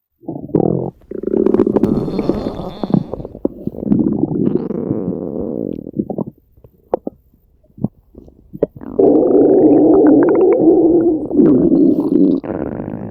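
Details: Red panda at feeding time: long low gurgling rumbles that pause briefly then resume; stomach growling (borborygmi).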